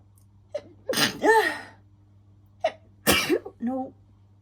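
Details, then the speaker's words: Two sneezes, each a quick in-breath, then a sharp burst and a voiced trailing sound, triggered by sniffing a strong-smelling bubble bath; allergic sneezing. "it's already to clean my nose I'm going to Snee and again maybe oh I am giving myself a shower honestly"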